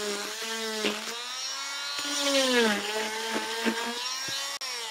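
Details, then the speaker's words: Oscillating cast saw cutting off a long leg cast on a pediatric patient: a loud, steady buzzing whine whose pitch dips as the blade meets resistance while cutting through the cast. "the blade itself just oscillates it shakes back and forth really fast okay it doesn't spin around like the kind of saw that maybe your dad uses to cut wood right"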